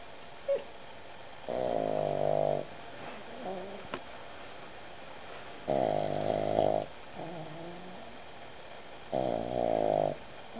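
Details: Boston Terrier snoring while cuddling on a puffy vest.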